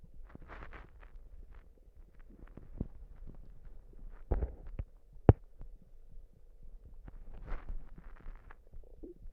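Irregular low gurgles and bubbling squelches with a few sharper pops against quiet hiss. Stomach rumbling, ordinary gut sounds.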